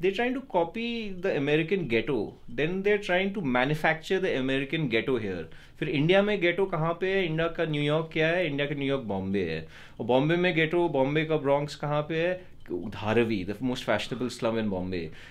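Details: Adult male speaker; normal speech.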